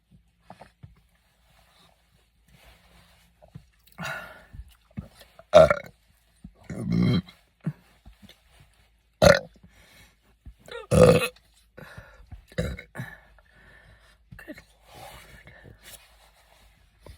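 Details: Burping from an adult: several loud, guttural burps with brief quieter throat sounds and short pauses.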